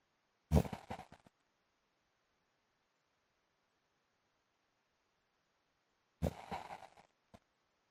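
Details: Husband's snoring, likened to a motorbike: two short, loud, fluttering snorts about six seconds apart with silence between.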